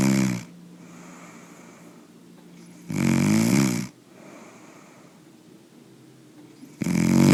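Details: Loud, rattling snores from a man, about every three and a half seconds, roughly 16 breaths a minute, with quiet breathing between.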